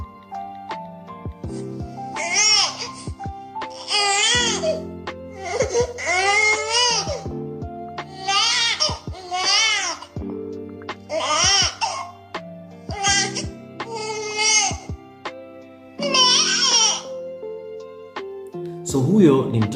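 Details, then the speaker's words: An infant cries in short, rhythmic bursts with steady music underneath, presented as the cry of a hungry baby; hunger cry. "Huyu mlio wa kwanza ni mtoto ana njaa. Eh utamsikia mtoto anafanya ne."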